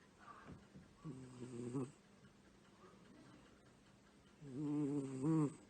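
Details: Sleeping female pet cat: soft, buzzing, slightly tonal snores, two breaths within a few seconds; snoring.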